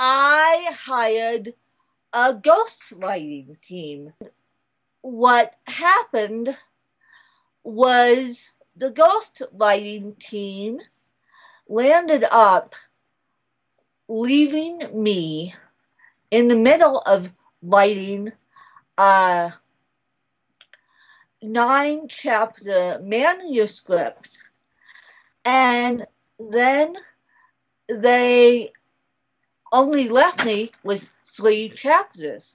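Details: Adult woman born in 1987 with cerebral palsy from a birth injury, usually lack of oxygen; she reports a slight speech impediment that has improved over the years; the finding is dysarthria due to cerebral palsy.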